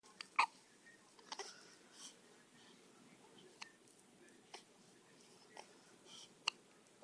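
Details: Aristotle, 1-day-old baby, hiccups, several brief sharp catches at irregular intervals, about five in seven seconds.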